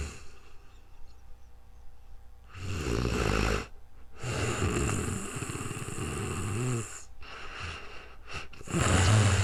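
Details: Real-time recording of a woman sleeping, new microphone: low rumbling snores with noisy breaths among quieter stretches of room noise; snoring.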